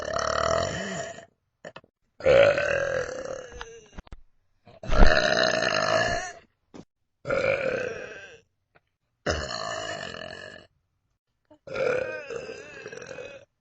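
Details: Six long, loud, rumbling belches in a row with short pauses between them; repeated burping.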